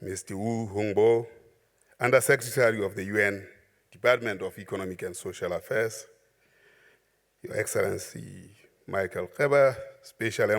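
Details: Adult male speaker; normal speech.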